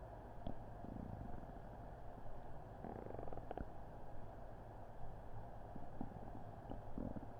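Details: Stomach rumbling recorded on Christmas Eve with a Blue Snowball Ice microphone during an upset stomach after an unremembered meal: low gurgling rumbles and brief bubbly bursts over a steady background hum; borborygmi.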